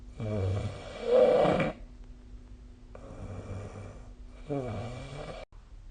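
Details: Loud vibrating snores with a fluttering, snorting quality on the in-breath, with a quieter breath between them; snoring during sleep, recorded with the SnoreLab phone app.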